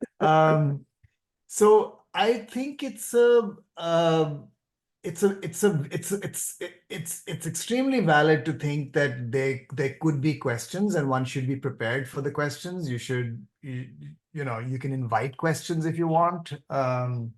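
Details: Speech of an adult doctor who stammers, calling it a neurological, involuntary behaviour he can partly control, with audible part-word and whole-word repetitions; stuttering.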